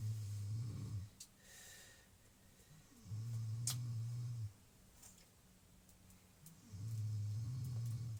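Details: Person snoring during a relaxed chat recording: low rumbling snores recur about every three and a half seconds in a quiet room, with a few faint clicks.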